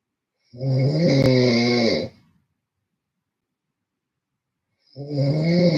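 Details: Loud, rough, vibrating snore on an in-breath, then a quiet pause and the start of the next snore; snoring during sleep.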